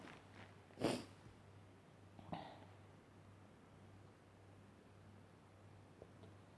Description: I just sneezed